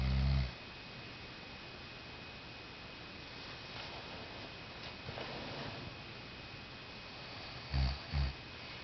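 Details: Someone out cold in deep sleep, snoring loudly: short, deep, grunting snores with quiet gaps between them.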